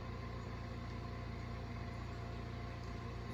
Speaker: if you hear a sound in the background that's my concentrator which is just an oxygen machine because my sarcoidosis is flared up